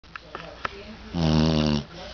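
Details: Pet dog asleep in his basket: a single loud, buzzing snore lasting under a second, preceded by soft clicks and breathing; snoring.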